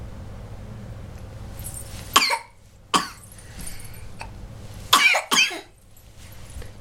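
Four short, sharp coughs in two pairs over a low background hum.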